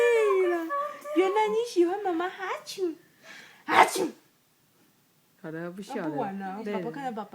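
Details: A mother makes repeated playful "achoo" sneezes to amuse her infant, a single sharp sneeze-like burst amid adult talk and the baby's laughter; sneezing.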